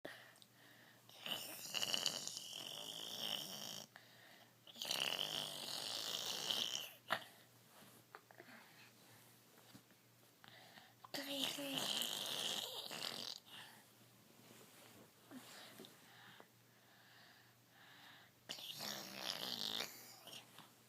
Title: Snoring baby